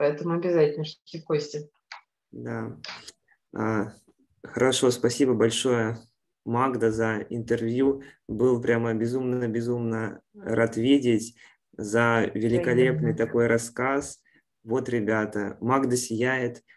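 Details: Adult male speaker; normal speech.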